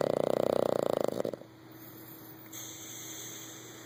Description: My Boston Terrier, Anjel, is sitting like a person beside me in my recliner snoring loudly! Funny!